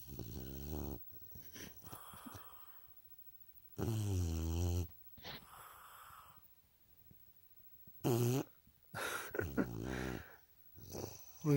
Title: Princess the bulldog snores like a grown ass man